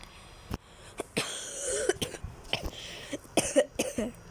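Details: Cough of a school-age child who says they are a little ill: several short, dry coughs and throat-clearing bursts in quick succession, indoors.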